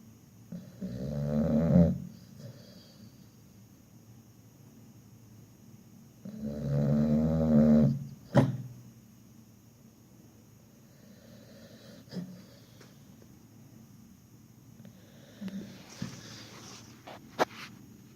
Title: Nomyen the pit bull is snoring ..หมานอนกรน